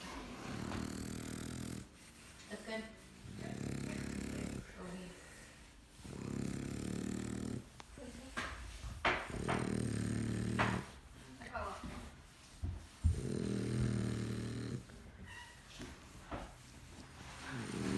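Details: Dog asleep and tired after a walk, snoring: repeated low, rumbling breaths with some snorts and uneven pauses between.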